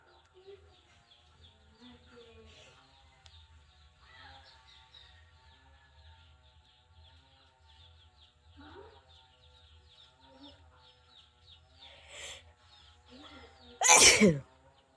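Quiet outdoor background with birds, then one loud, explosive sneeze burst near the end.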